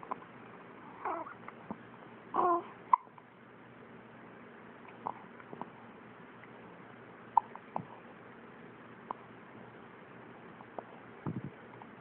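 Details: Quiet room with a few soft, sharp, spaced catches in the breathing; hiccups.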